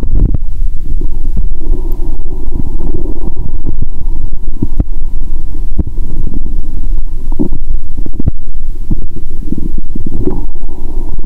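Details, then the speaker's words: Bowel sounds (borborygmi) heard by stethoscope after a toilet trip, belly bloated: continuous low gurgling and rumbling with scattered pops and clicks; sound said clearer without pressing the stethoscope hard. "Bạn có thể nghe thấy âm thanh của dạ dày ngay cả khi ở gần tim. "Tôi sẽ ấn mạnh ống nghe và nghe ♪". Bạn có thể nghe thấy âm thanh tốt hơn nếu bạn không nhấn mạnh."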